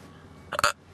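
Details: A single abrupt, voiced gulping catch, a hiccup, against quiet room noise, from a young man groggy after wisdom teeth removal.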